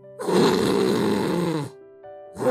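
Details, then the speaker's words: Imitated harsh, rattling obstructive snore, as in people with a small face and narrow oral cavity, where a relatively large tongue narrows the airway; airway-blockage snoring sound. "어 얼굴이 작은 사람들의 [음악] 코구리 이런 소리는 호가 막힌 사람들이 생긴 코리고 얼굴이 작은"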